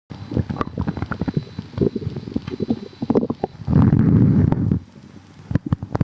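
Irregular low gurgles and bubbling with one longer rolling rumble: ordinary stomach rumbling from gas and fluid moving.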